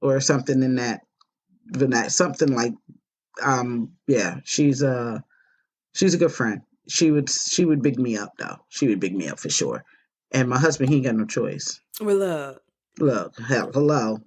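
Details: Stroke survivor with post-stroke aphasia; aphasia.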